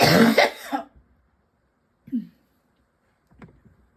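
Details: A cluster of three harsh coughs, then two weaker coughs with pauses, from someone whose throat and lungs feel constantly tickly and whose cough won't quit; persistent cough.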